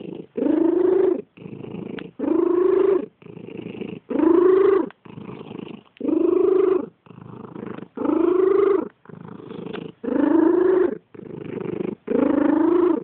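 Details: A cat's loud purr, each outward breath carrying a musical, whistling, wheeze-like tone.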